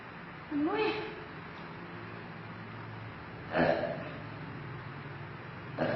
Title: girl burping stomach pain